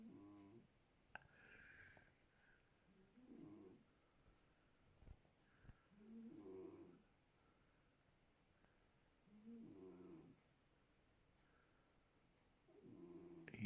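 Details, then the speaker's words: A sleeping cat snoring: soft, rhythmic snoring with a rattly snore on each in-breath, about four breaths in fourteen seconds, in a quiet room. "think cats don't snore?"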